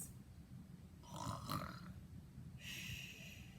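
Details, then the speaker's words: Imitated snoring by an adult storyteller, presented as a long sound: a rough, rattling inhaled rumble followed by a softer breathy exhale. "now when we think of the word snore we think of something that sounds like this"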